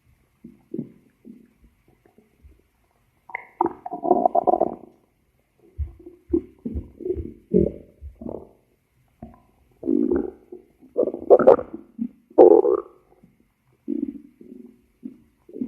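Irregular low gurgles and rumbling squeaks in a quiet room, ordinary stomach growling.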